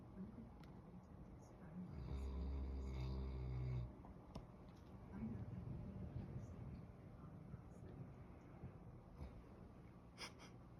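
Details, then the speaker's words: Black Labrador retriever snoring like a grown man: one long, deep, buzzing snore, then quieter breathing against low background noise. "You snoring? Sorry. Did I wake you up?"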